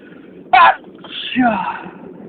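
One sharp explosive sneeze burst followed by a short higher-pitched breathy sound.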